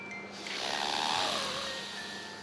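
One long, rough, snorting snore on an in-breath with a faint whistly glide, acted by an adult, over steady room hum.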